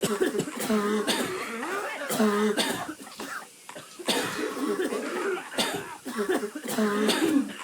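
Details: Imitated, voiced coughs in quick repeated runs with brief pauses between them, giving a sense of incessant coughing.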